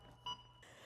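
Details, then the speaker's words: Single short electronic beep from an AED metronome after shock delivered, pacing the rhythm of chest compressions during CPR, demonstrated by an EMT instructor; AED metronome beep. "every time that that beeps that beeping noise is called a metronome that beeping noise is going to give you the Rhythm that you're going to perform for your compressions"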